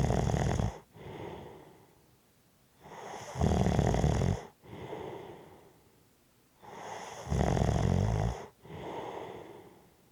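Loud, rattling snores on each breath in, followed by heavy breaths out, about 15 breaths a minute; heavy snoring.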